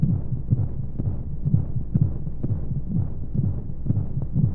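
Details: Womb-sound sleep aid for babies: steady, muffled low thumps in pairs at roughly 60 a minute over a whooshing hum of flowing noise, as heard from inside the womb; heartbeat.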